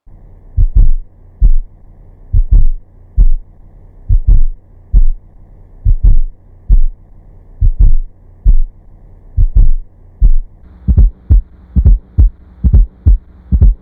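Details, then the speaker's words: Simulated heartbeat, first slowed and then at real time, with a soft extra sound in late diastole just before S1, heard best at the cardiac apex with the bell: S4 atrial gallop from non-compliant ventricles. "the S4 heart sound is heard best of the cardiac Apex with the bell of the stethoscope it is heard in late diastole and is often described as an atrial Gallop Rhythm"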